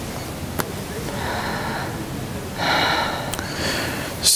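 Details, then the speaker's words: Stethoscope auscultation of an adult woman's anterior chest, open-mouth breathing; soft, even airflow with brief handling clicks; normal breath sounds. "all I'm hearing is just normal sounds"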